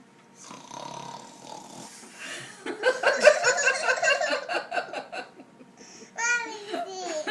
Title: Snoring Sounds